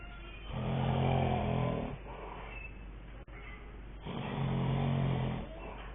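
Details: Sleeping dad snoring: two deep, rattling snores with a quieter breath out between them.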